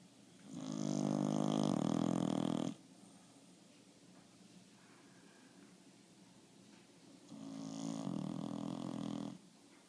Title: Bulldog Snoring